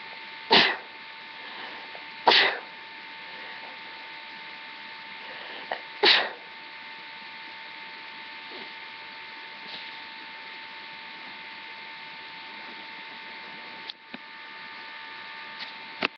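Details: Sneezes induced with a rolled-up tissue: three sharp, explosive sneezes within six seconds, then quiet room noise; recording quality is poor.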